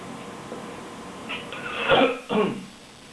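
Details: An adult gives a single short cough in a quiet room, followed closely by a brief cat meow; isolated cough.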